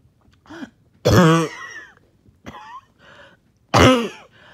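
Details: Harsh, voiced coughs with throat clearing and gasping breaths between them: a choking cough with trouble breathing after a 20-minute workout / morning walk.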